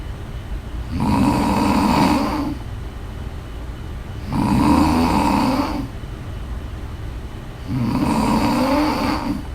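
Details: A woman asleep snores steadily, with loud, rough rattling on each in-breath at about 18 breaths a minute and quieter out-breaths. Snoring.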